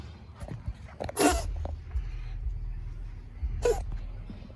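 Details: Stray community cat sneezing, possibly from a hairball: two sharp, hissing sneezes a few seconds apart over low room rumble.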